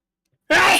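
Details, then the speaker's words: Loud sneeze from a podcast co-host during a discussion, mistaken by the others for another participant's similar loud sneeze; sneeze. "You've got very similar sneezes. I do have loud sneezes, yes."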